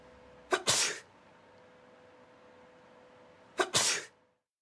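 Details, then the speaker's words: Two sharp sneezes, each a quick intake then an explosive burst, in a quiet room during a laser and camera droplet-tracking experiment; ordinary sneezing. "the experiment starts first sneezing"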